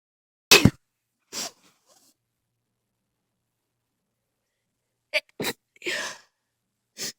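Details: Sneezing fit after being outside, some sneezes stifled, some not: a run of sharp explosive bursts, some preceded by quick inhalations, with quiet pauses between; a bout of repeated sneezes.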